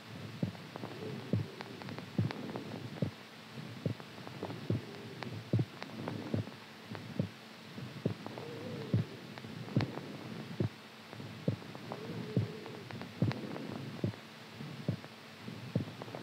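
Steady low thumping heartbeat at about 70 beats a minute, with a faint hum in the background.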